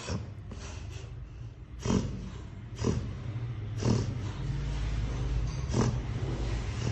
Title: Reverse Sneezing dog